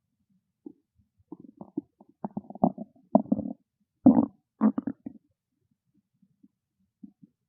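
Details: Hungry stomach growling: bursts of gurgling, bubbling noises rising to loud squelchy growls then fading; normal bowel sounds (borborygmi).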